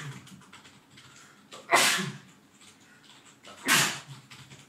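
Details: Acted simulation of an adult male with a nasty cold sneezing in a shared office: two sharp, explosive, hissing sneezes about two seconds apart, with quiet sniffly, congested breathing between.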